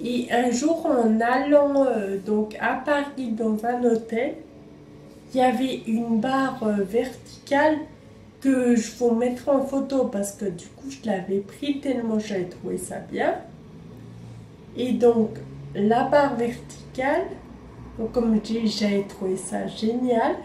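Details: 27-year-old woman with Friedreich ataxia, a genetic neurodegenerative disease, with slow, uncoordinated movements; ataxic dysarthria.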